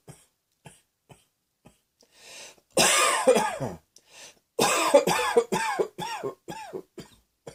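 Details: Soft breaths, then a run of forceful coughs followed by a second bout of about six coughs fading in strength; cough.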